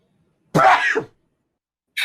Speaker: you that was a good sneeze thanks oh did you hear it [ __ ] my mute didn't work my bad i pushed the button sorry guys